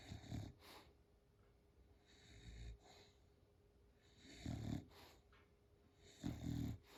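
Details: A female American Micro Bully, first thought to be having a seizure, makes repeated low, rough nasal snorts while rolled over for a belly massage: a reverse sneezing episode.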